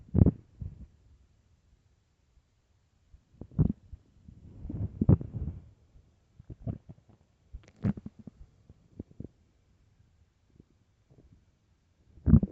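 Deep, drawn-out rumbles and gurgles with quiet gaps: a hungry stomach growling.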